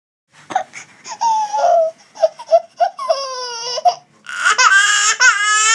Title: baby spain crying sound effect